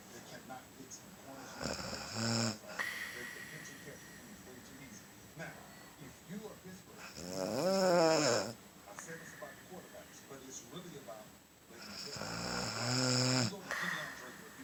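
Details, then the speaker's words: Person snoring while asleep: loud rasping snores about every five seconds, roughly 12 breaths a minute, with quiet room noise between; heavy snoring keeping a bed partner awake. "This is why a person can't fucking sleep."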